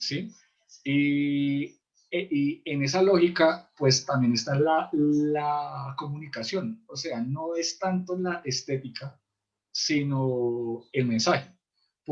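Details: Adult male in a stuttering support group who says his stuttering cannot be cured but can be lived with; stuttering.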